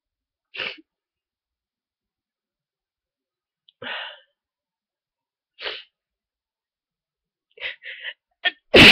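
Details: A run of about five sharp sneezes with quiet gaps, the last loudest, from an adult in bed with a cold (fever and sore throat earlier, now stuffy and sniffly), sneezes slow to come out; repeated sneezing.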